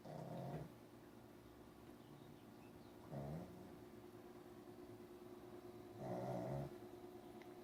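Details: Snoring during sleep: soft, low rumbling snores about every three seconds, roughly 20 breaths a minute, over faint room hum.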